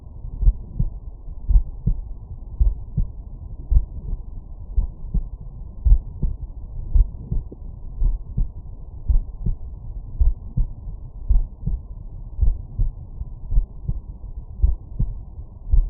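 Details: Normal heart sounds through a stethoscope at the mitral area (apex), patient lying on right side: steady low thumps, regular rhythm, about 55 beats a minute.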